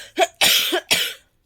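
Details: Person with cough for several days, hoarse voice, worn out and cold-season exposure, recently at hospital: three short harsh coughs in quick succession, first lighter and voiced; dry-sounding cough.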